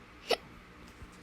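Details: Single abrupt, sharp hiccup in a quiet room from a person who says they have the hiccups while playing games.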